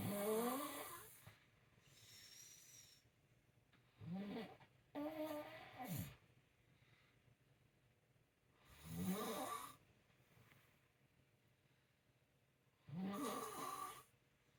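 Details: Adult woman snoring during sleep, heard around 5:25 a.m., loud rattling snores recurring every few seconds with quiet gaps between breaths; she doesn't believe she snores but it woke her partner.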